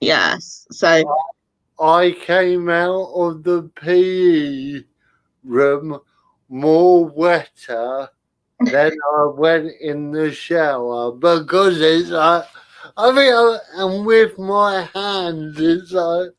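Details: Adult male with spastic cerebral palsy attributed to lack of oxygen at birth, affecting limb control and speech; dysarthria (spastic cerebral palsy).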